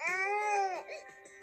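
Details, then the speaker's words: Infant simulator doll crying to be fed; a chime sounds when picked up, and holding a bottle or breastfeeding device to its lips stops the crying. "when baby cries and wants to be fed pick baby up listen for the chime and hold the bottle or breastfeeding device to baby's lips it will stop crying and begin making feeding sounds"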